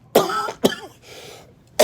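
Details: Adult whose cough is creeping back, shivering and had to call an ambulance: two sharp, harsh cough bursts in quick succession, then the start of a third.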